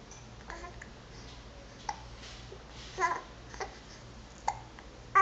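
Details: Several short, abrupt voiced catches at irregular intervals in a quiet room, consistent with hiccups in a baby; hiccups.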